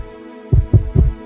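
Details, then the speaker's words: Normal second heart sound, the "dub": aortic and pulmonary valves closing as the ventricles relax, heard as short dull low thuds over a steady background hum. "the aortic and pulmonary valves closing as the ventricles relax."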